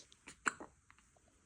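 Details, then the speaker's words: Baby boy with big hiccups: a brief, sharp catch of breath with a small squeak in a quiet room. "Quite the hiccups. That's not nice."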